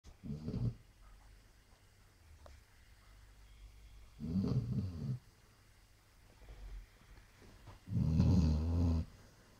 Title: Snoring Basset Hound